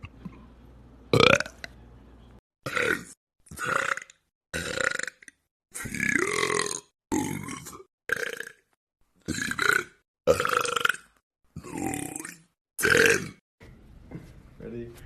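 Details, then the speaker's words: TikTok burp compilation: a run of about eleven separate loud, drawn-out belches with short silent gaps between them; repeated burping. "I can't sing or dance but I can burp do you have some like gastrointestinal issues"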